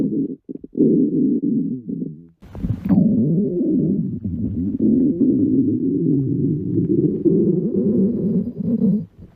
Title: Mom schoolboy runaway cute stomach growl beach